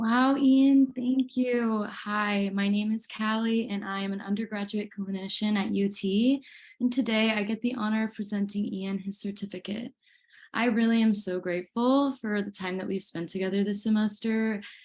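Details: Adult woman speaking; ordinary fluent speech.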